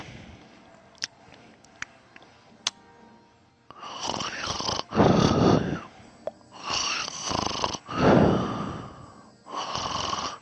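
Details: Loud, rough, rattling breathing noises in bursts a few seconds apart after a quiet start with faint clicks, from a sleeping person who also sleep-talks; snoring.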